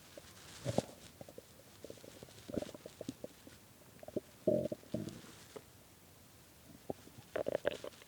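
Irregular soft gurgles, squeaks and brief rumbling bursts; stomach growling from hunger as the empty gut contracts.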